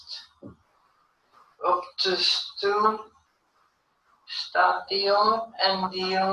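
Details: Patient with nonfluent variant primary progressive aphasia during a picture description; nonfluent speech with reduced word output.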